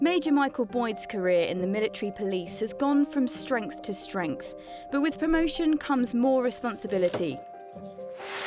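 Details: Adult male narrator; normal fluent speech.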